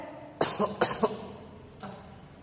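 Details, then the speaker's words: Two or three short dry coughs, acted in a Kannada story narration: a visitor, a lineman, coughs once or twice to announce his arrival to the narrator working under a jeep. A polite signal, not illness. "ಅದಕ್ಕೋಸ್ಕರ ಏನ್ ಮಾಡ್ಬಿಡುದು, 1-2 ಸಾರಿ ಮತ್ತೆ ಕೆಮ್ಮಿಡುದು. ಕೆಮ್ಮಿದ್ರೆ ಎಲ್ಲ ತೊಂದರೆ ಇರೋದಿಲ್ಲ."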